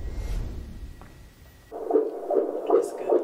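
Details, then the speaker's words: Fast, rhythmic whooshing beats from a fetal monitor, roughly 150 a minute, with a brief hum beforehand: a baby boy's fetal heartbeat at 35 weeks of pregnancy, heard at a women's health clinic. "we met mommy-to-be Tamara Drummond listening to her baby's heartbeat at 35 weeks pregnant"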